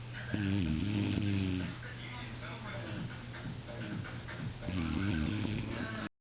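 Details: An adult woman, the recorder's aunt, snoring: deep, buzzing, rattling breaths, louder at the start and end, with noisy breathing between.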